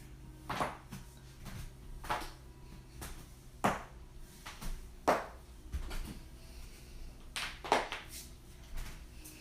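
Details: Joint cracking (cavitation).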